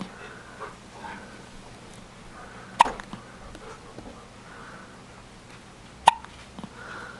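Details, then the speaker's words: Hiccups from a baby (the baby's first hiccups) while a pet, Guinness, investigates the strange noise. "What is that? Those are baby hiccups."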